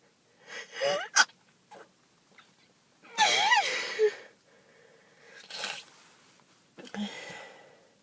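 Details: Several sharp sneeze bursts, some preceded by a quick indrawn breath, with quieter breathy noises between, from a person with allergies who is off antihistamines before an allergy test; sneezing.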